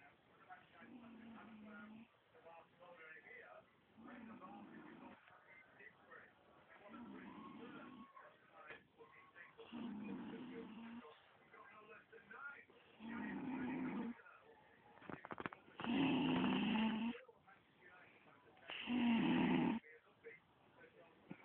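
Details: Regular rough, buzzing snoring at about 20 breaths a minute, growing louder toward the end, with faint room noise.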